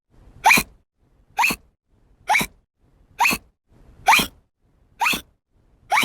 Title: Hiccups effects 1995